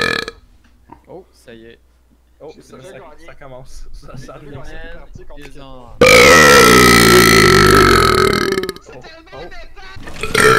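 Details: One long, loud, rumbling voluntary belch lasting nearly three seconds after quiet talk, from a gamer deliberately burping while gaming; burping.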